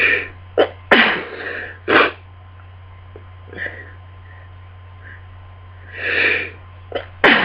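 Several forceful sneezes in quick succession over a steady background hum; a sneezing fit during a cold.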